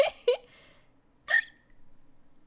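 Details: Person about to turn 19, talking and drinking water, with two sharp, high, squeaky hiccups, a brief voiced catch on each, over quiet room sound.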